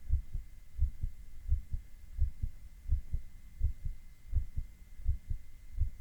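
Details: Adult male heartbeat recorded with ECG: steady paired lub-dub thumps at about 86 beats a minute, with a faint constant tone behind them; ordinary heart sounds.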